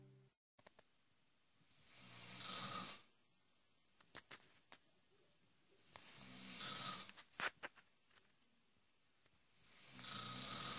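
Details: Man snoring heavily: three hissing, rattling snores on breathing in, about 15 a minute, with quiet pauses and small clicks between.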